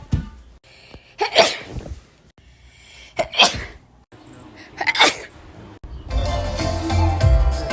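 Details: Three sharp, explosive sneezes in a row, followed by music.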